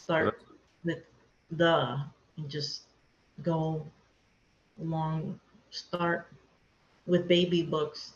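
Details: Aphasia in an adult woman after a hemorrhagic stroke, affecting speaking, understanding, reading, writing and numbers; she could not talk for two years after the stroke and still has word-finding difficulty.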